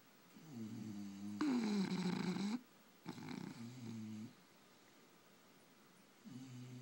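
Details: Sleeping bulldog snoring: rough, fluttering snores on each breath in, with a louder rasping snort in between.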